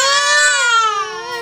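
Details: One loud, sustained, high-pitched cry from a 1-year-5-month-old toddler at a paediatric visit before an injection, falling slightly in pitch toward the end.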